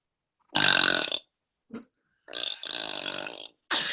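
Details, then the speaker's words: Deliberate burping by a young woman in a burping contest: three long, loud, voiced burps, the middle one brief. "as long as i get shy enough to close my eyes when i burp like i'm the mariah carey of burping just let it out"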